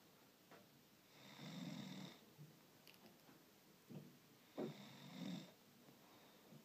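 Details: Snoring in a sleeping person: two rough, rattling snores on breathing in, about four seconds apart, with quiet breathing between them.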